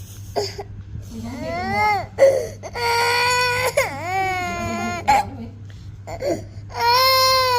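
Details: Infant crying: loud, rising and falling wails broken by gasping pauses, with faint room noise behind.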